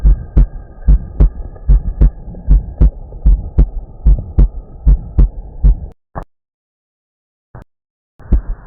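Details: Heart sounds (auscultation).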